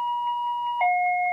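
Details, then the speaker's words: Loud steady electronic tone dropping to a lower pitch from a Medfusion 4000 syringe pump during a demonstration of programming an intermittent infusion, signalling that the syringe is near empty; syringe pump near-empty alarm. "here's an example of an alarm that says the syringe is near empty this could happen"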